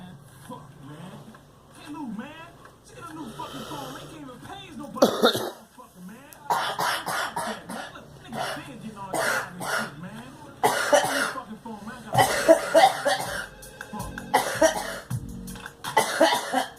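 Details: Several loud, abrupt cough bursts from a girl, separated by breathing and quieter sounds; repeated coughing.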